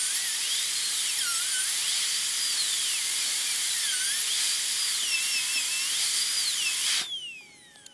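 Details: High-speed dental drill whining, pitch wavering as it cuts a guide cut on upper molar tooth #3, then spinning down and stopping, during a full zirconia crown preparation with a rounded shoulder.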